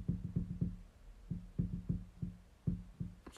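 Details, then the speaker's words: Rapid series of about ten soft, low knocking clicks over three seconds in a quiet room as the leg joints crack; joint crepitus. "めっちゃ足の関節が鳴る。"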